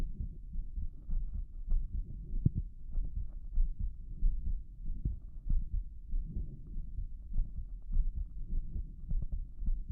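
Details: Heart auscultation of a shirtless adult male with a visibly heaving apical impulse, listening at each valve: loud, forceful, fast heartbeat through a stethoscope, roughly 95–100 beats a minute, with low rumbling handling noise; rapid heartbeat.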